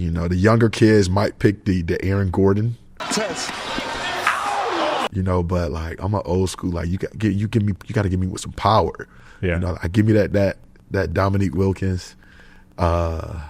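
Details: Adult male who says he stutters sometimes when he talks, even now, and dislikes public speaking; mild word and part-word repetitions audible; stuttering.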